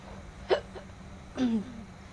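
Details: Girl hiccuping while eating food spicy enough to burn her lips: a brief abrupt catch of breath, then a short voiced hiccup over faint hum; hiccups.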